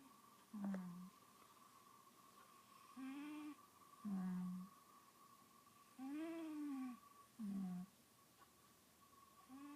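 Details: Short, low, buzzing snores from a sleeping cat, some with a faint whistling tone, repeating irregularly over a steady high background hum; snoring.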